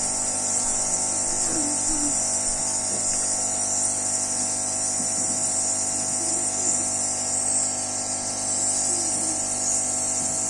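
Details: Child receiving a daily nebulized Budesonide treatment by face mask (recently switched from albuterol) to open her airway, as she has often needed extra oxygen lately; steady high hiss with constant motor hum; nebulizer compressor running.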